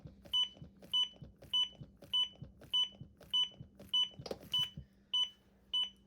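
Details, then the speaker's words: ZOLL AED Pro in standard AED mode during a CPR demonstration: steady electronic metronome beeps at about 100–105 a minute pacing chest compressions, one compression per beep, over faint rhythmic thumps, with "push harder" prompts. "And then you'll also hear a metronome that comes on. If you can stay on beat with the metronome, you'll average 105 compressions per minute. So every time you hear a beep, you should do a compression."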